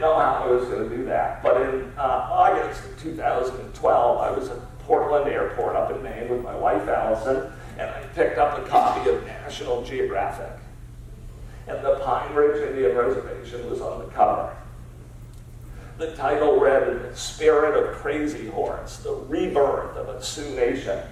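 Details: Man with spasmodic dysphonia diagnosed at Mass Eye and Ear, a rare neurological disorder affecting only speech with no known cause or cure; treated with periodic Botox injections; voice not consistent or comfortable, resetting each morning; spasmodic dysphonia.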